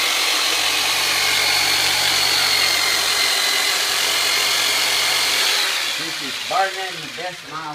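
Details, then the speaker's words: Powered percussive soft-tissue instrument used on an adult man during chiropractic care, used for percussion vibration to loosen muscle and fascia: a steady high-pitched continuous motor whine, with a brief voice at the end. "FAL release instrument tool I've ever used to separate the muscle fibers and LAX of fascia in there and now we're going to increase the circulation in all these tissues by some percussion viberation and increase the oxygen nutrition coming into these cells"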